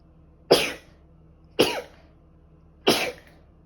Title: I've been sneezing all day..🤧🤧 #sneez